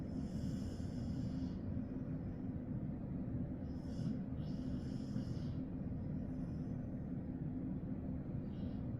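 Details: German Shepherd puppy snoring while asleep: soft, steady low rumbling breathing with faint snorty noise, snoring like an old man.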